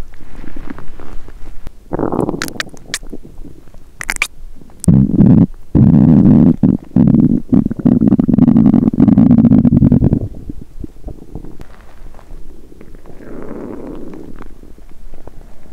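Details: Woman on day one of a 7-day fast: long, loud, low gurgling and rumbling from the belly with bubbly pops; hunger sounds, borborygmi.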